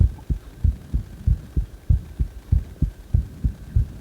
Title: My heartbeat sound after during cpr